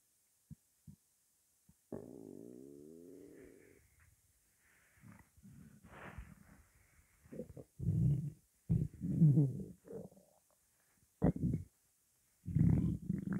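Low, wavering gurgles and rumbles that come and go irregularly, some long and drawn out: stomach growling from hunger, a normal sound.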